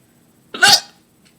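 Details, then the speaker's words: Painful, persistent hiccups that keep coming and shake the computer; a single sharp, gulping hiccup with an abrupt voiced catch, described as a deep one. "my computer is moving every time my hiccup it shakes o that was a deep one just keep on coming never going to stop"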